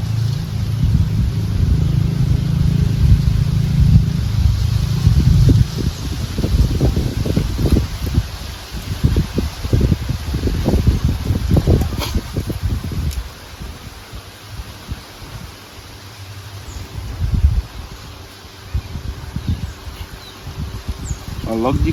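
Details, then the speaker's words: Sick calf's lungs heard through a stethoscope by a veterinarian in one quadrant: muffled, harsh, irregular bubbling pops with a rasping, saw-like quality, like a pot bubbling, from secretions; coarse crackles, consistent with pneumonia. "it's a lot like a pot bubbling, that's also the sound. the secretion in this quadrant of her lungs"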